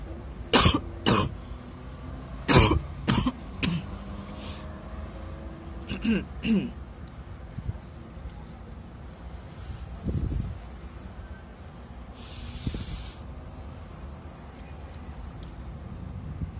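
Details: An adult with dust allergy, coughing while smoking, gives a burst of harsh repeated coughs, then quieter throat sounds. Coughing fit.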